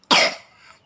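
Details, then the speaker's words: Single sharp cough from a young child who has just woken up and is still unwell with a cold, runny nose and cough, voice hoarse; a brief forceful burst fading over about half a second. "Dia lagi masih nggak enak dan pilek dan batuk. Tuh batuk dan pilek."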